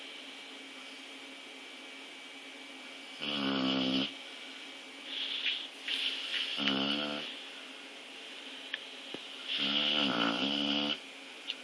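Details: Female dog snoring very loudly while asleep: three loud, rattling snores on inhaling, about every three to four seconds, with quiet breathing between.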